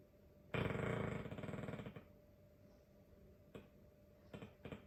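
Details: Sleeping Dogue de Bordeaux dog snoring: a loud, rough, fluttering snore lasting over a second, then quieter breathing with a few brief snorts.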